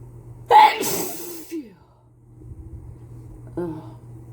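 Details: Adult with a cold sneezing into a face mask: one forceful, muffled sneeze with a sharp intake before it, then a quieter breath, in a run of repeated sneezes.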